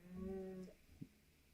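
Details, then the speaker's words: A sleeping pet dog snoring in the background during a live tennis commentary stream. "So it sounds like someone's snoring in the background because my dog is here and she is snoring."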